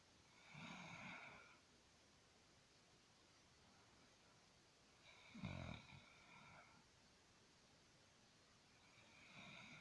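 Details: Sister snoring in a quiet room: soft snores, each with a brief nasal whistle, recurring every four to five seconds.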